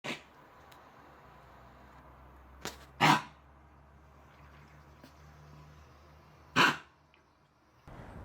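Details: Dog with kennel cough (canine infectious tracheobronchitis) during a coughing fit: a few short, harsh, forced coughs in a quiet room.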